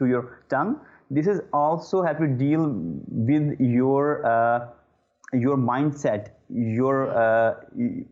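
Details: Adult male who stammers, with repeated 'uh' disfluencies: stuttering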